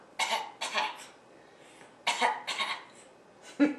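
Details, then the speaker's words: Wet productive cough from a 6-month-old girl sick for a few days with sniffles, her first illness; the cough sounds like a lot of mucus deep down in the chest. "so when she coughs she obviously has a sound of a lot of mucus down in there"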